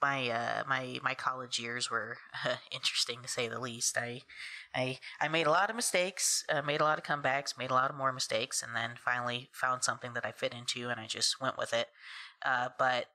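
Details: Adult woman who has stuttered since about age three, first noticed after moving in with a cousin; stuttering.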